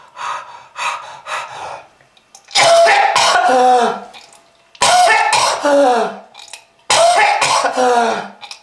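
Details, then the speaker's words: Acted heavy, harsh, rattling coughing fits, about three bouts after softer throat-clearing coughs, portraying a smoker's lung-disease cough with red (blood) brought up: simulated smoker's cough. "a h a that red color is not from fruit punch kids if you want this to happen to you just keep smoking this is lung disease"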